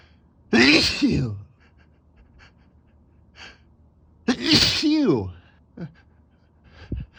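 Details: Adult male with allergies on a rough allergy day: two loud sneezes, each a sharp intake then an explosive burst, separated by quiet; allergic sneezing.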